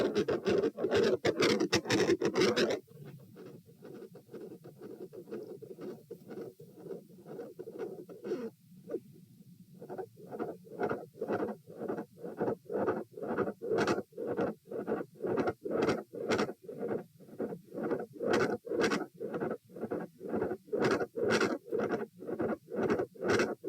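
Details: Heart sounds via probe: regular normal heart sounds fade sharply during posture change, a localized sound drop, returning clearly once probe is moved.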